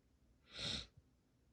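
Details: Deliberately induced sneeze, from a set of normal and half-stifled sneezes: a single sharp, hissing sneeze burst in a quiet room, followed by a soft breath.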